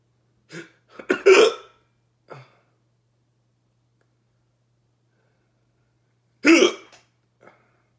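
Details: Persistent hiccups that won't stop: sharp, abrupt 'hic' sounds, a cluster early and another about five seconds later, recurring.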